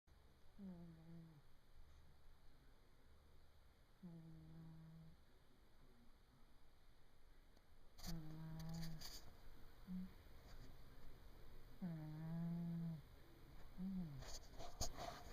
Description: My cat snoring...Loudly. Bumped him with the camera but just kept on sleeping.